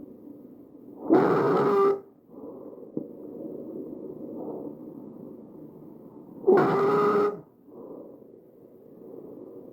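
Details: Harsh, loud, high-pitched noisy breaths recurring with each breath cycle over the windpipe; tracheal stridor from a narrowed upper airway.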